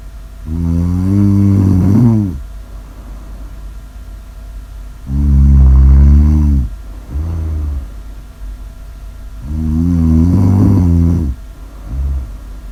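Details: Snoring: loud, deep, rattling snores, about 13 per minute, each with a shorter follow-on sound, separated by quiet breathing.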